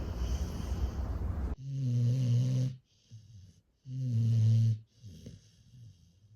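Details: Sleeping rescue bully-breed puppy snoring: loud, low rumbling snores with quiet snorting exhales between them, about 28 breaths a minute.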